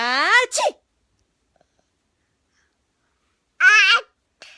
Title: Cute baby imitates sneezing sounds with mom! So Adorable!